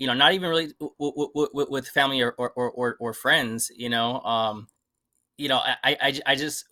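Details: Adult who stutters and had never really addressed the stutter before; repetitions and filler interjections; stuttering.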